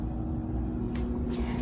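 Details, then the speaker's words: Low steady hum and rumble with a couple of faint short hisses: dental cassette sterilizer running a surgical-instrument cycle, heating to 134 °C for three and a half minutes. "we're saying this is a surgical instrument so we're going to classify it as a surgical instrument hit the next button and now my machine is running"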